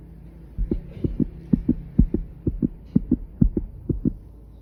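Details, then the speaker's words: Normal heart sounds at the aortic focus, second intercostal space, right parasternal line, by stethoscope in a cardiology lab practice: regular, fairly quick lub-dub with clean first and second sounds and no murmur. "procedemos a localizar a localizar el primer flujo cardíaco que es el aórtico éste lo vamos a localizar en el segundo espacio intercostal con línea para externar derecha"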